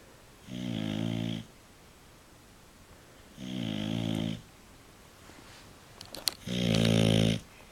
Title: Jake snoring